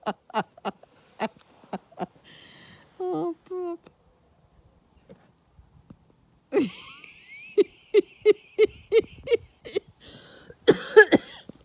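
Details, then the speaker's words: Female puppy on a farm with hiccups: repeated short, sharp hiccup sounds with laughter and a voice in the background; hiccups. "the puppy has hiccups [Laughter] you still have hiccups they're all gone"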